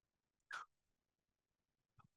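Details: One brief hissing spray puff, then a faint soft sound: a metered-dose inhaler pressed in a COPD and asthma inhaler-technique demonstration, after lung emptying and before a 5–10 second breath hold.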